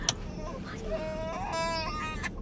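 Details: Infant crying from a baby girl just waking after sleeping most of the day: brief high-pitched wails, rising and falling, over steady car road noise.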